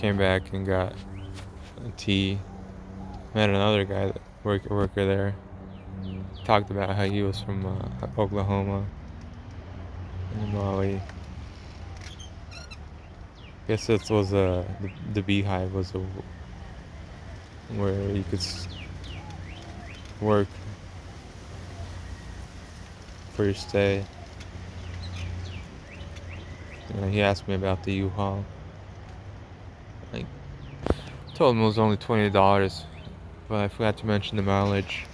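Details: Man with a self-described speech impediment of unnamed type; disfluent speech.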